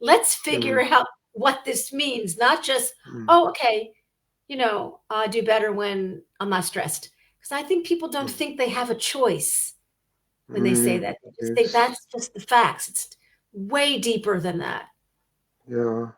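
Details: Adult woman speaking; normal speech.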